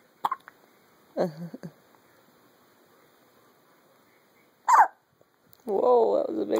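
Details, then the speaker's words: Infant girl with hiccups in the morning: isolated short, sharp catches a few seconds apart, then a brief infant vocalization. "Hi how are you sweetie hi good the hiccups this morning"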